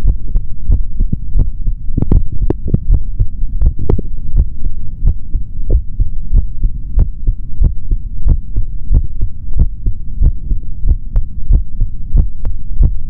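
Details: Adult male heartbeat through a stethoscope: steady low thumping at about 90 beats a minute with a faint hum, normal heart sounds.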